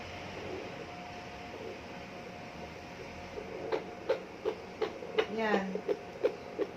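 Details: Steady hiss and hum, then rapid rhythmic whooshing pulses around 160 a minute: a fetal heartbeat picked up at home by a pregnant woman using a handheld fetal Doppler with gel on the belly; within the normal range.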